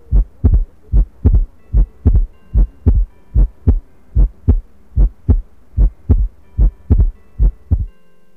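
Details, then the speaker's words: Simulated auscultation in a Second Life training sim, from one of three ill virtual patients. Regular heartbeat at about 74 per minute: heart murmur. "Here we have 3 patients who are ill. Listen to the heart sounds for each condition."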